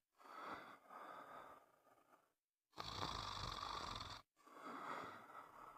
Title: Sound of snoring